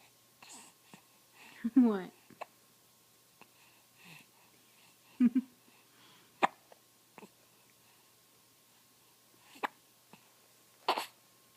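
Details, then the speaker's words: Person with hiccups talking to someone: several brief, sharp catches of breath spaced seconds apart among quiet speech. "Where you going? See, I've got the hiccups."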